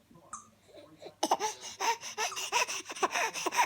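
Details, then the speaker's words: A young girl deliberately fake coughing while eating sweet potatoes: a run of short, voiced, cough-like bursts after a quiet start; voluntary fake cough. "are you fake coughing what is that"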